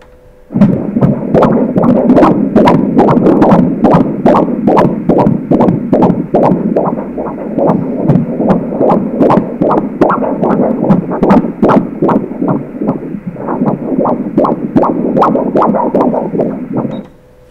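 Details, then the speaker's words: Rapid, regular whooshing fetal heartbeat heard during an obstetric ultrasound of a baby girl, at about 151 beats per minute, a normal rate. "a frequência cardíaca do bebê tá mais ou menos 151 que é uma frequência normal né"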